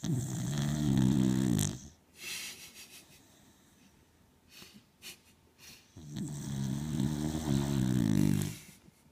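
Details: Female dog lying on her back, snoring: two rattling snores with soft snuffly breaths between them.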